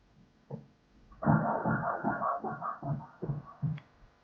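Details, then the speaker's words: Normal fetal heartbeat on Doppler at 30 weeks 1 day by measurements (29 weeks 1 day by dates), cephalic presentation, slightly low amniotic fluid, early placental ageing: rapid, regular whooshing pulses about 140 a minute, no extra sounds. "repenmang oʻtirganimizdek 140 Juda ham yaxshi ortiqcha tonoslari o'sha narsalar yo'q"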